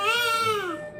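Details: Loud, high-pitched wail from a newborn boy just after birth in hospital, trailing off; a vigorous first cry. The baby later needed NICU incubator care for jaundice.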